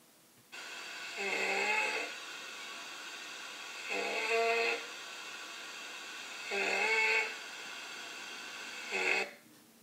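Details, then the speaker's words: Harsh, high-pitched musical noise with each breath, about four breaths, usually during inspiration; stridor signalling upper airway obstruction, as can occur from airway swelling in anaphylaxis. "We also listen for stridor that signals upper airway obstruction. It can sound something like this."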